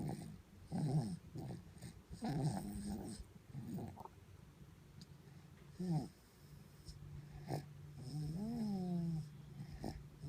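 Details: A sleeping baby girl snoring with short, rough, low snuffly snores, then a brief high whimpering sound.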